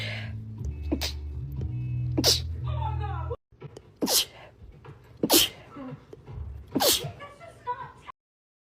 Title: Cute Girl Sneezing 46